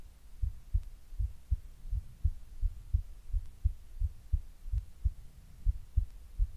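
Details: Neck pulse recorded over the neck: regular low thumps at about 83 per minute with a faint background hum.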